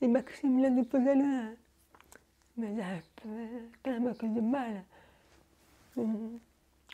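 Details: Young French-speaking woman, deaf since birth, wearing hearing aids since birth and recently new ones, speaking orally while lip-reading. Deaf speech from congenital hearing loss.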